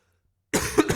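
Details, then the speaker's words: Adult livestreamer, ill this week with a probable flu (COVID also joked about) after two days in bed sleeping 16 hours, gives a short harsh cough of two or three bursts: cough. "Let's see how much my voice can do, because yet again, as you can hear, I'm having this weird cough."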